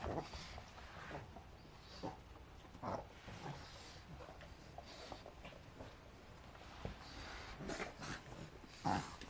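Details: A 5-month-old female pug puppy that suddenly ran wildly, then reverse sneezed, afterwards breathes with irregular snorting, snuffling, labored-sounding noises: labored snorting breathing after reverse sneezing.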